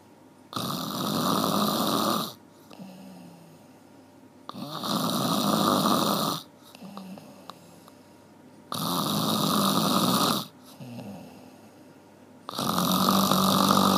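Loud rattling snores on each in-breath, about every four seconds, roughly 15 breaths a minute, with quiet out-breaths between.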